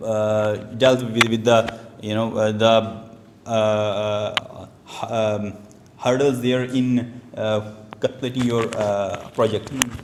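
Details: Stuttering in an adult male who reports stammering since age two, heard while giving a prepared speech at a stammering-support public-speaking session.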